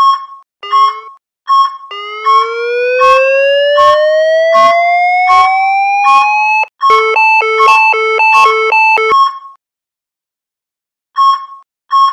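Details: ZOLL R Series defibrillator in defib mode doing a 30J test shock: repeated beeps, rising charging whine after pressing charge, rapid alternating alarm tone while shock button is held, then discharge.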